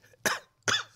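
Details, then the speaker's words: Cough from an adult who has been sick for nearly three weeks and is awaiting a doctor's appointment: two short, weak coughs about half a second apart, each a sharp burst fading quickly. "Hear that pathetic little cough? It's like a weird, dying baby of polio cough, or an old man in the trench kind of cough. It's pretty terrible."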